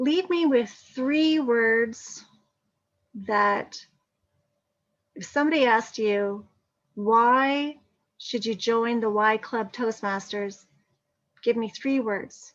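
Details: Adult woman; no speech disorder.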